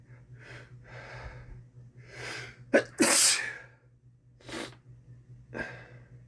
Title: Sneezing after swimming